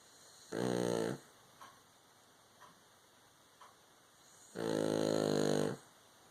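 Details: Baby girl asleep on a caregiver, snoring loudly: two buzzing, vibrating snores separated by quiet breathing with small snuffles.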